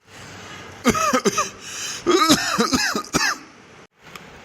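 An adult gives a run of loud, voiced, throaty coughs, acted for a comedy skit.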